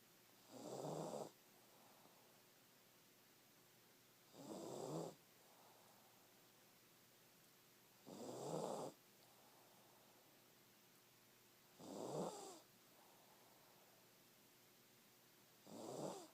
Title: My little Snoring McSnorts